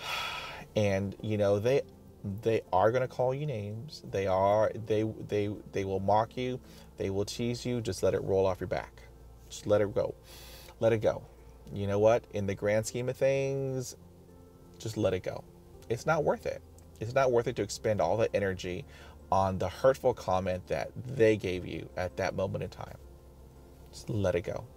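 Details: Adult man who stutters, self-recorded, describing blocks; sound and part-word repetitions; stuttering.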